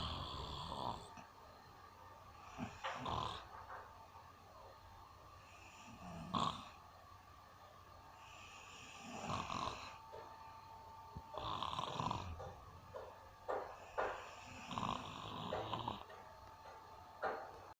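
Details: Adult woman (mother) snoring: repeated rough, snorting snores every two to three seconds with quiet pauses between breaths.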